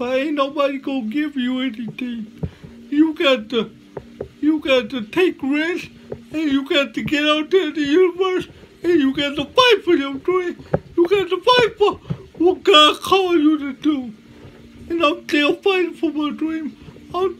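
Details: Dysarthria in a male motivational speaker who says he lives with cerebral palsy, speaking in a real talk.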